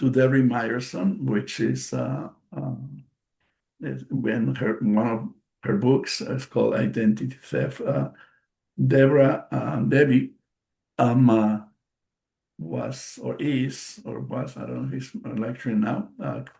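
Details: Adult bilingual man with aphasia after a stroke in March 2020: post-stroke aphasia.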